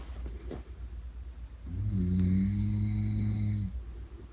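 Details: Low, rattling snore on one breath over steady room noise; a father's ordinary sleep snoring, used as white noise.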